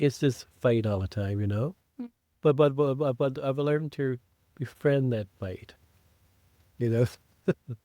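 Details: Adult man who stutters, saying it escalates when he wants to be fluent; audible word repetitions; stuttering.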